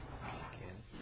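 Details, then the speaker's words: Posterior thorax auscultation with the stethoscope diaphragm as the patient says "ninety-nine"; voice transmitted louder and clearer than normal: bronchophony, suggesting consolidated lung. "Voice sounds that are louder and clearer than normal, as in this example, are called bronophony."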